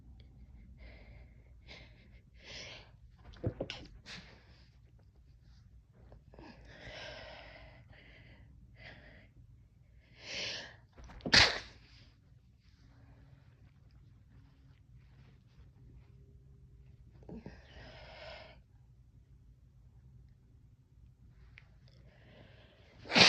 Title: Chhinkni Sneezes